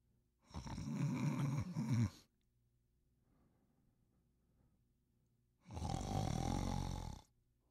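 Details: Male snoring sound effect: two loud, rough, rattling snores on breathing in, each about two seconds long, separated by a quiet pause; ordinary snoring.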